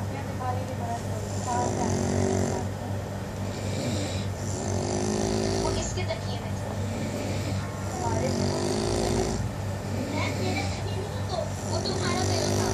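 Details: Very loud, rattling snores repeating about every three seconds, roughly 20 breaths a minute, over a steady humming background; severe snoring.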